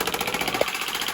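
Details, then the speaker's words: Shockwave therapy handpiece on the sole of the foot for plantar fasciitis, after ultrasound gel, combined with class 4 laser: rapid, regular hammering pulses of the device. "an entire treatment usually takes between 8 to 10 minutes to do and what we do is we combine the shock wave therapy"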